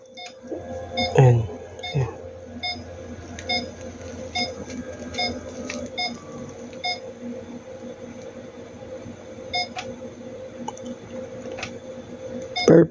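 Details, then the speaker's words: Comen Star8000f multi-parameter patient monitor, NIBP test on a person taking their own blood pressure at a 1-minute interval: steady cuff-inflating motor hum with short electronic beeps and ticks; reading 115/77. "self BP muna tayo kailangan natin i-monitor sarili nating kalusugan Ang tagal ng interval 1 minute lang"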